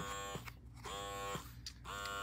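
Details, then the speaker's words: Loud steady motor buzz rising and falling in regular suction cycles from a working KRX double wearable hands-free electric breast pump (3 modes, 9 levels, touch controls); described as loud, not quiet, despite low-noise advertising. "will say that it is loud it's not quiet um for sure"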